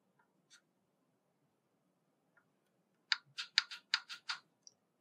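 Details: Enteral tube feeding pump set to 20 mL/hour during a nursing skills demonstration: a few sharp clicks, then a rapid run of about seven button presses while a 600 mL volume to be delivered is entered.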